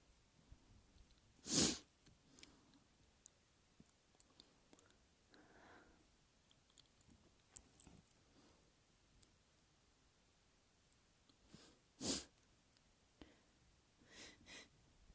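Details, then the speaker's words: Two induced sneezes from nasal tickling, nose flaring: two sharp, forceful sneezes about ten seconds apart, with soft breathing and sniffs between, quiet room. "nose is flaring. It's so tickly. Hey!"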